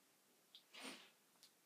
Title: Don't sneeze on camera. (10-4-14)